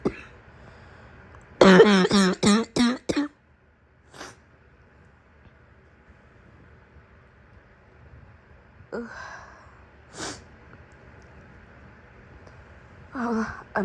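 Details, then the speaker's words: Acted (simulated) morning coughing fit by a woman role-playing a sick girlfriend in bed: a rapid run of about six harsh, barking coughs, then a few isolated coughs and throat clears in a quiet room. "Sure, you can use my chest as a pillow, but I warn you, my cough is very loud and my chest likes to shake when I start barking. I know you felt that vibration."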